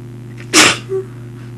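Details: One sharp, explosive sneeze into a tissue by a person with a stuffy nose, followed by a brief vocal sound, over steady room hum; sneeze.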